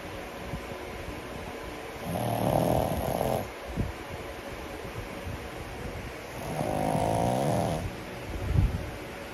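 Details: Loud rattling snores from a sleeping 10-month-old pug, two long inhalation snores with quiet breathing between.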